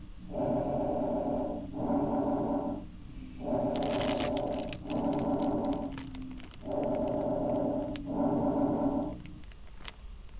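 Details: Regular breaths with inhale and exhale of equal length, about 19 per minute; normal bronchovesicular breath sounds.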